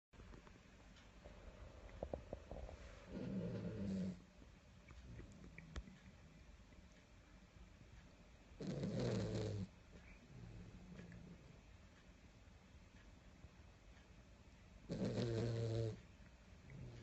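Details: Sleeping dachshund: three long, low rattling snores about six seconds apart, with quieter breathing between; ordinary snoring.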